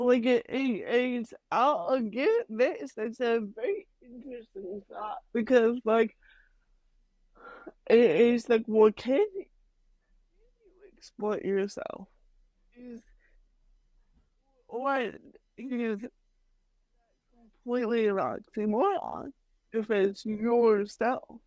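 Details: Dysarthria in an adult woman with mild cerebral palsy, which she says mainly affects her speech and motor skills; she is speaking in a podcast interview.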